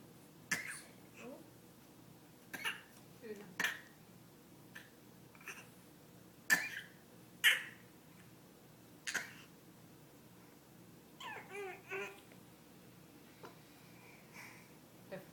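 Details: A child gives about six short, sharp, deliberate fake coughs, spaced irregularly, with a brief vocal sound near the end; voluntary imitated cough.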